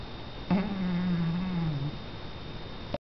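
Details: A single low, buzzing, fart-like snore lasting over a second from a napping cat, nose or mouth likely resting oddly; quiet room with faint steady tone.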